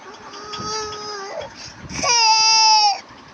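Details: Infant crying: two sustained cry calls, the second louder and higher-pitched, with clear tonal voicing, as a caregiver talks and sings to the baby.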